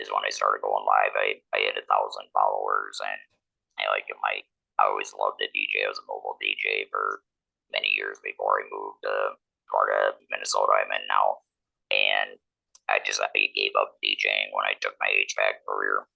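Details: Man who lost his voice completely and is a laryngectomee since 2019, speaking with an electrolarynx that took him about a year to get familiar with; electrolarynx speech.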